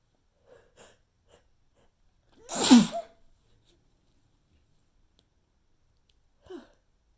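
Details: Persistent nasal tickle: one fairly soft, weak, stifled sneeze between faint breaths and quiet sniffs, part of a run of unsatisfying sneezes; sneeze.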